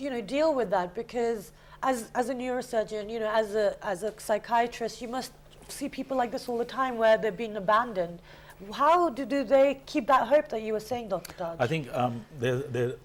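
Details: Adult woman speaking, with a second adult voice briefly at the end; typical speech.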